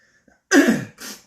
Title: cough